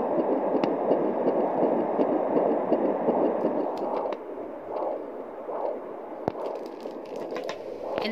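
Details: Fetal heartbeat at 11 weeks pregnant, recorded at home with a fetal Doppler placed above the pubic bone: rapid, regular whooshing pulses at about 165 beats a minute.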